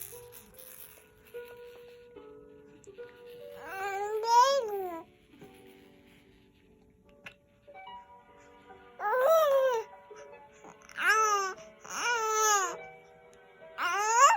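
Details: 3-month-old baby girl who often gets hiccups: short whining cry bursts separated by quiet pauses and soft background music; ordinary infant fussing cry.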